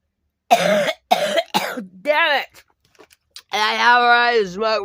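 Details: Cough.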